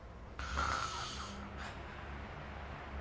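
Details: Snoring during sleep recorded with the SnoreLab phone app: a single rough, rattling breath from upper airway vibration over steady low room hum.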